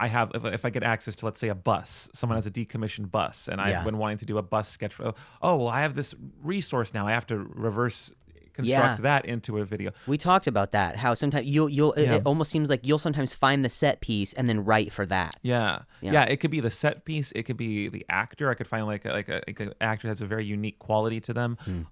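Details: Adult man; typical speech.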